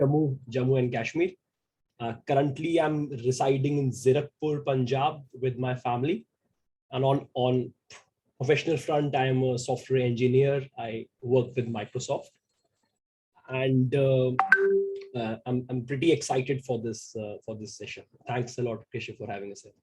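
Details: Stuttering in a 28-year-old man who identifies himself as a person who stammers.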